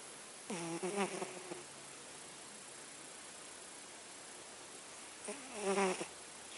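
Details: Snoring: two drawn-out snoring breaths with a squeaky, whistling edge, separated by quiet pauses, over steady hiss.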